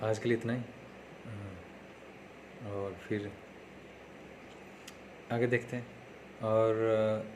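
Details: Man who stammers, speaking Hindi, on day 3 of his own speech therapy practice; stuttering.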